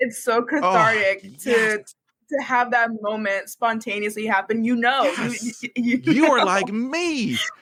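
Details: Stuttering in a university student who has stuttered for as long as they can remember and began speech therapy in kindergarten.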